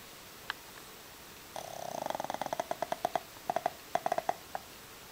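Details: Violet, a loud female snorer: a run of rapid nasal snorts and fluttering snuffles, a snoring-type sound from the nose and throat.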